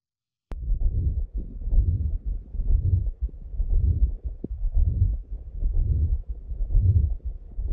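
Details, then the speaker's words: Horse with a heart condition and several murmurs, recorded by stethoscope where the loudest murmur is heard: loud rhythmic swooshing from turbulent blood flow, masking normal lub-dub heart sounds. "he actually has a couple different murmurs associated with his heart condition and i've picked the loudest one for you and i want you to see if you can hear the murmur"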